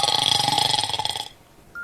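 A brief buzzing, rattling burp-like noise from a cartoon, lasting just over a second: a burp sound effect.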